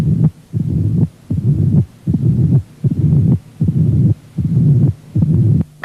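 Fast low rumbling diastolic murmur building before each beat, about 78 a minute: mitral stenosis with presystolic accentuation.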